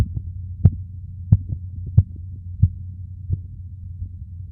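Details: Korotkoff sounds heard while measuring blood pressure: regular soft tapping about 91 a minute over a low hum, fading out.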